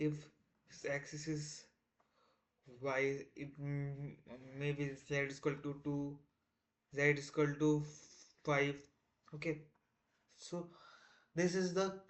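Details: Man who identifies as a person who stammers, on day 1 of a self-set 30-day stop-stammering challenge, trying not to stammer: stuttering with audible repetitions and fillers.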